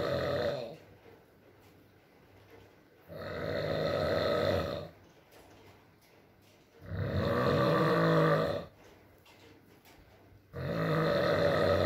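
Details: Male partner snoring during sleep in a recording with rain: loud, rough snores on inhalation about every four seconds, roughly 16 breaths a minute, with quiet pauses and faint rain.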